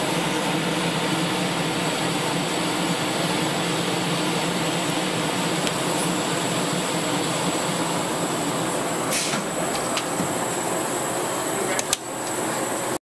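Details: Steady loud rushing hum with a few faint clicks from a veterinary hospital oxygen chamber running with an animal patient inside (10-18-16).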